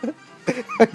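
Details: 1-year-old child dancing to music and fake coughing: two brief, light, deliberate cough-like bursts with faint music behind; voluntary cough.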